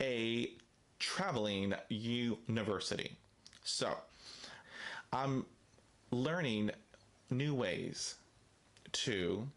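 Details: Stuttering in an adult man, with a word repetition.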